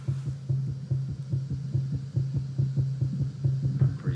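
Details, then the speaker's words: Fetal heartbeat picked up by a cheap microphone, mesh cover removed, placed on the pregnant mother's belly and played through a Yamaha powered mixer and a small speaker: rapid, regular soft thumping at about 143 beats per minute. "my wife has a microphone on her belly and we are monitoring the heartbeat of our baby through this microphone into this Yamaha head and added this little powered speaker let's our baby's heartbeat"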